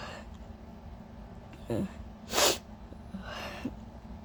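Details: Induced allergy sneezes in a person whose nose has been extremely sensitive all day: a sharp indrawn breath, then a loud, explosive, wet sneeze and a weaker follow-up burst.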